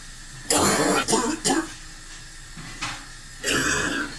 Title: coughing & cleaning